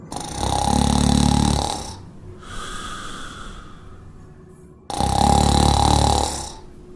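Two loud, rumbling inhaled snores about five seconds apart, with a softer airy exhale between them: a sleeping dog snoring.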